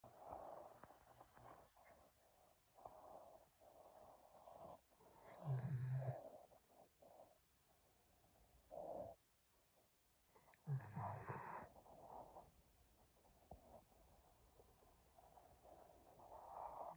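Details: German shepherd asleep on owner's lap, snoring: soft irregular snuffling breaths with two louder low snorting snores about five seconds apart over faint room noise.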